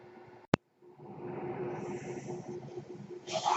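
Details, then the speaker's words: Speaker's own mechanical ventilator heard at the start of a podcast recording: a click, a brief pause, then a steady mechanical hum with a faint tone, ending in a rising airy hiss of a breathing cycle. "Hello, everyone. That noise you're hearing is my ventilator."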